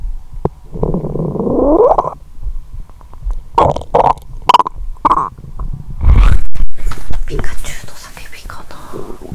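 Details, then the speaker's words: Gurgling, rumbling and bubbling with irregular pops and squeaks, loudest in the pit of the stomach, the whole belly vibrating: borborygmi. "मेरे पेट में हर समय गुड़गुड़ाहट होती है😂. अजीब आवाज 😂। "यह क्षेत्र कंपन कर रहा है।""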